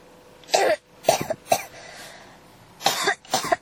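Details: Coughing that won't stop (ASMR-tagged recording): five short dry cough bursts in quick succession over a few seconds; persistent cough.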